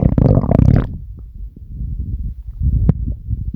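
Low, rumbling, gurgling growls from the belly, loudest at the start and rising again near the end: ordinary stomach growling.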